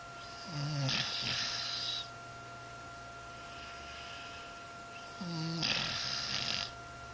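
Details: Snoring: two loud snores, each a low rumble opening into a long airy, rasping breath, over a steady room hum.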